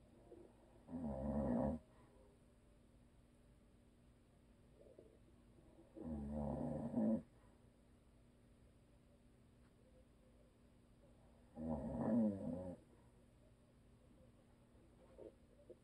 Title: ASMR EPIC SNORING DONE BY HUSBAND!! NO VIDEO.